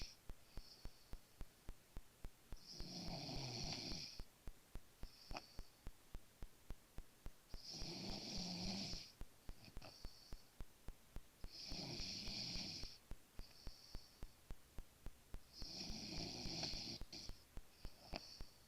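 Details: Man snoring while sleeping: steady rasping snores about every four to five seconds, roughly 14 breaths a minute, over a fast ticking background noise.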